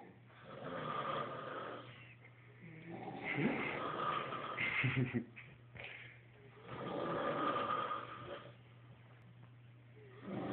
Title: snoring beasts!!!!